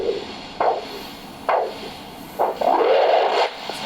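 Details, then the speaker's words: Doppler blood pressure at the brachial artery: as the cuff is slowly deflated, the first rhythmic whooshing arterial pulses return on the handheld Doppler probe, marking the pressure where flow resumes. "while keeping your eyes on the blood pressure gauge slowly release the blood pressure cuff when you hear the first alternating whooshing sound that will be recorded as your mean arterial"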